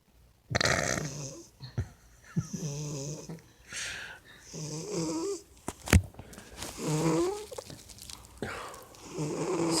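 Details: Sleeping cat snoring while apparently dreaming, with his paws twitching and running.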